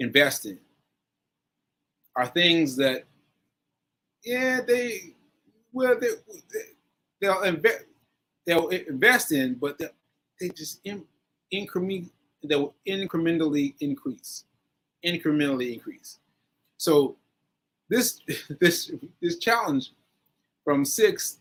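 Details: Aphasia in a male stroke survivor, stroke on 7/14/22, recorded about a year later (7/4/23) during ongoing recovery.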